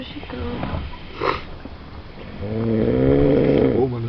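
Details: A person asleep in a van at 4 a.m. in Ribeirão Preto snores loudly with a buzzing, rattling sound over background chatter and vehicle noise. Snoring.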